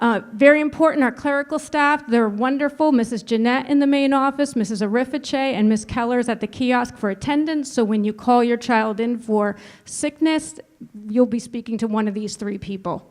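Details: Adult woman speaking; normal voice.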